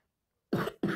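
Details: Two short, dry coughs after silence from a boy who has a cough and runny nose with a cold.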